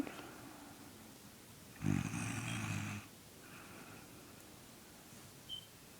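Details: Little brother asleep and snoring, not waking as someone tries to wake him: a single loud, low rattling snore about a second long against quiet room noise.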